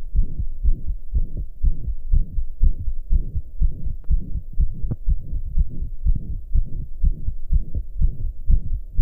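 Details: Self-recorded heartbeat while lying down, after hours of pounding hard: rapid steady beat near 120 a minute with a loud whooshing murmur between beats; heart murmur.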